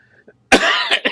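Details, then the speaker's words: A single harsh, dry cough burst with a short trailing second hack from an adult podcaster, who apologizes and calls it a very dry cough. "I'm sorry about this cough. It's just like very dry cough."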